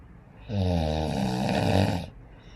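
A single loud, low, rattling snore lasting about a second and a half, heard on an in-breath, in a quiet room.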